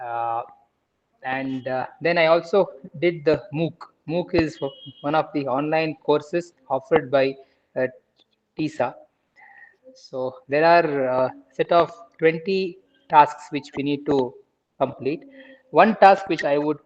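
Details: Adult man in a stammering self-help group for about two years, after about a year of speech therapy beforehand; real speech showing stuttering.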